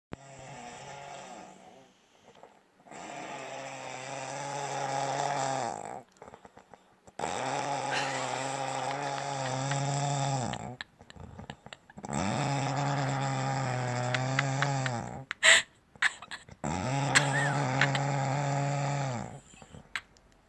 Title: my mom snoring aggressively